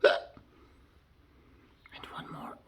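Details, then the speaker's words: One sharp, brief hiccup from a Cockapoo puppy, followed by quiet and soft murmured speech as owners encourage it to stop: hiccups. "chase you have to hiccup chase off the hiccup jays have the hiccup oh oh the chase lee had taken yeah it will go away it will go away and one more"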